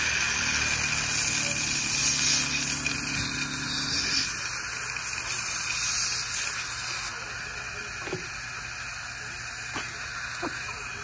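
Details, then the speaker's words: Steady high hiss of air, then a softer water spray with faint clicks, from a dental air-water syringe drying and rinsing a boy's teeth as his braces are fitted. "I'm going to rinse a little bit better here"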